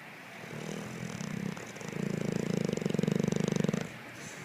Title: Raider Snorts & Snores